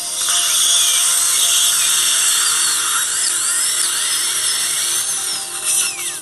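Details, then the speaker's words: Surgical drill sectioning a lower left third molar into parts through the buccal groove, after a bony gutter was made, during surgical extraction in a female patient: a high, shrill whine rising and falling in pitch. "We've made a little gutter to create some space."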